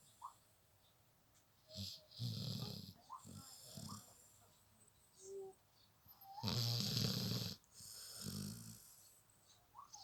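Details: Snoring during sleep: loud, rough snores on the in-breaths, with quieter snorts and breathy sounds between them, and room noise in the background.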